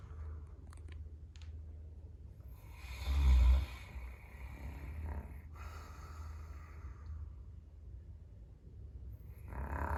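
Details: Caucasian Shepherd (ovcharka) dog sleeping in an entryway, snoring fairly tamely: low rumbling breath noise with one louder snorting snore over steady room hum; snoring.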